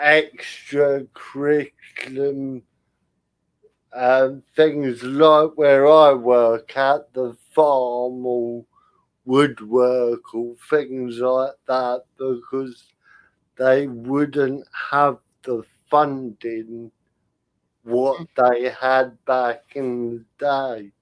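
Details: Adult male comedian with spastic cerebral palsy, attributed to lack of oxygen at birth, affecting limb control and speech; dysarthria in spastic cerebral palsy.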